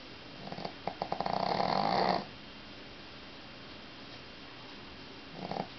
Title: snoring